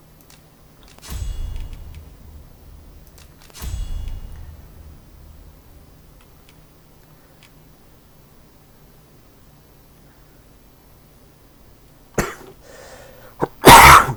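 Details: An adult gamer gives a few short, harsh coughs with no rattle or wet sound near the end, over video-game audio: dry cough.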